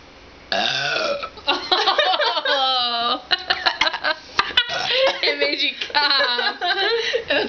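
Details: Woman drinking and burping: long, loud, rumbling voiced belches, one drawn out and several shorter ones, with brief laughter; burping.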